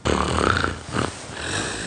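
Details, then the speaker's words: Acted loud snore in a comedy sketch: a harsh, rattling inhaled snort followed by a softer noisy breath; snoring. "حياتي عم بتشنخري زبطي صوتي طالع صوت شخير كتير قوي"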